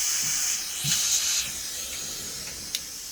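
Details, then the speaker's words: Dental air-water syringe spraying air and water together to rinse before a sealant in a dental assisting demonstration; hissing spray sputters and weakens as the water supply runs out, then quiet room hiss. "We're gonna use the air and the water at the same time. It creates a nice spray."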